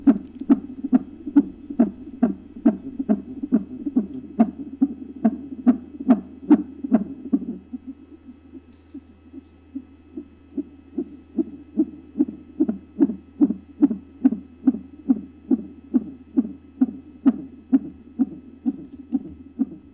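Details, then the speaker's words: In a simulated ASMR maternity roleplay, a Doppler monitor plays a normal fetal heartbeat as rapid, regular whooshing pulses at about 140 a minute, within the stated normal range of 110–160. "Je vais vous laisser profiter du bruit du cœur du bébé avec une petite séance de manipulation sur la fin."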